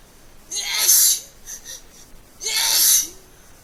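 Two explosive sneezes, each preceded by a short voiced intake, with brief vocal sounds in between.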